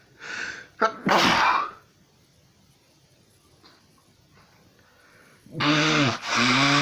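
Several sharp sneezes, each with a loud explosive burst, one after another; repeated sneezing.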